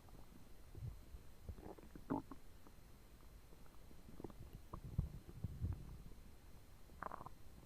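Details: Quiet low gurgles and churning rumbles from the belly after eating two foot-long sandwiches and a pint of cola; ordinary digestive bowel sounds.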